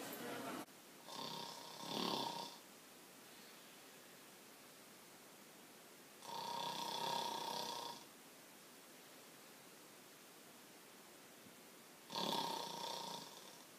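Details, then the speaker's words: Simulated snoring acted for a GEICO TV advertisement: loud, rasping, comically exaggerated snores, about 4 per minute, with quiet pauses, by a character said to keep his dog awake. "yeah well did you know that helmet man snores so loud that he keeps his dog up at night"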